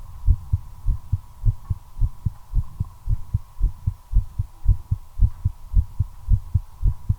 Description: My accelerating heartbeat during a smoke. Effect of nicotine.